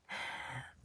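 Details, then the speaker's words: Dog sound asleep giving a single brief, noisy, breathy snort-like breath: snoring. "This is where you've heard me doing the teachings and you can hear Sadie sound asleep doing some intense snoring of discovering her shadows."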